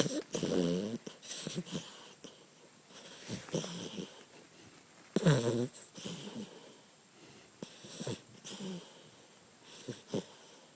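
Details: A sleeping puppy snores with irregular snorting, whistling breaths and a squeaky high-pitched noise on some breaths; snoring.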